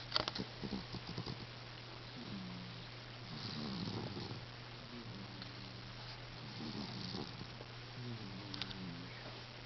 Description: my cat is snoring